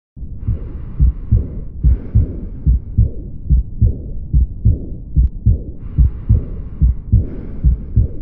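Regular paired low heart thumps at about 72 beats a minute, with soft breath noise in places.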